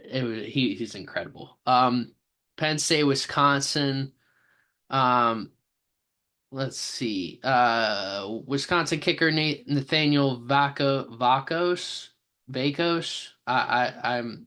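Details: Self-reported stammer in a man reading a name aloud, with part-word and word repetitions; stuttering.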